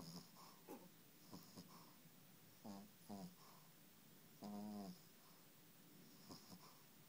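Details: Quiet rhythmic breathing with rough snorts and brief whistling, squeaky tones from a sleeping puppy; dog snoring.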